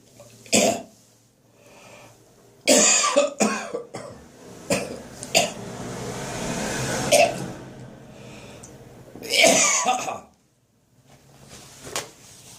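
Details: Morning episode of several harsh cough bursts and throat-clearing sounds with retching-like strain between them; repeated coughing with gagging.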